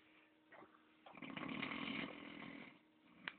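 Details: Long, harsh, rattling snore from a sleeping person over a low room hum.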